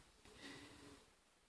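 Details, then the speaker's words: Schnauzer dog sleeping in the background: a single soft, breathy snort, faint against quiet room noise; snoring. "so if you can hear any noise it's my schnauzer snoring in the background there"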